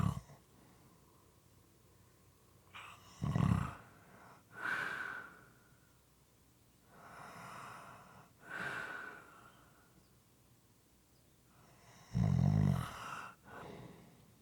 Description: This is a 5 1/2 minute clip moist and sometimes irregular snoring.